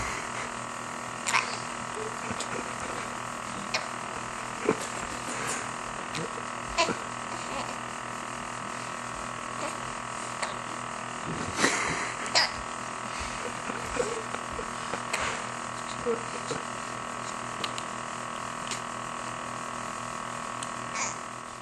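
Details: Pet dog sitting around with hiccups: soft, regular hiccup clicks, roughly one a second, over a steady household hum; hiccups.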